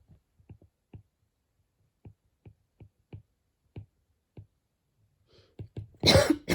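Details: Person coughing while studying, a recurring, annoying cough: soft, irregular tapping in a quiet room, then a single loud, harsh cough near the end.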